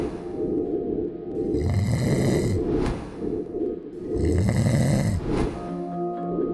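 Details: 15-second TV advertisement about snoring and apnea for a clinic, produced with 3D animation: two long, rough, low rattling snores on breathing in, with faint music behind; loud snoring.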